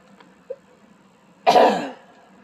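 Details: Adult who is sick and still stuffed up with a cold: a single harsh cough burst after a faint throat noise, in a quiet room.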